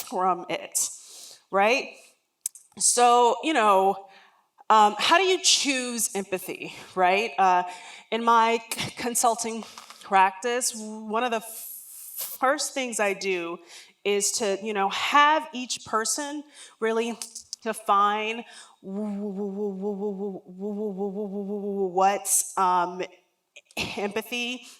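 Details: Adult woman, a lifelong stutterer, speaking during a talk; real, not acted: stuttering.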